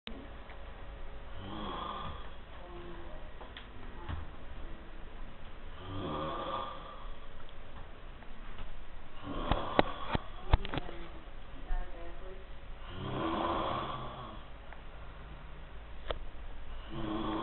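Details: Loud rattling snores recurring every four to five seconds, about 13 a minute, with clicking room noise between: loud snoring.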